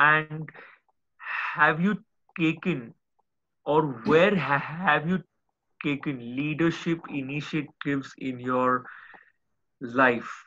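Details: Adult male speaker; speech.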